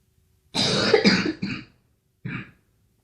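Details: Girl coughing: a burst of three harsh coughs followed by one shorter cough in a quiet room; cough.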